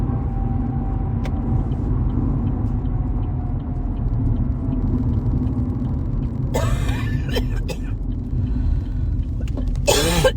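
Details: Short burst of coughing and a throat clear over road rumble inside a moving car, recorded while driving during the first couple of days of a cold; acute new cough.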